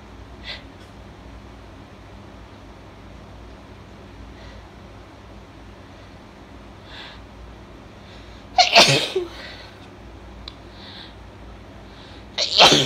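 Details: Female with congested allergy: quiet breaths and sniffs, then two forceful, wet sneezes a few seconds apart; allergy sneezing.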